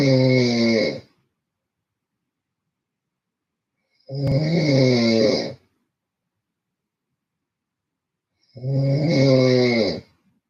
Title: Loud Snoring Sleep Stream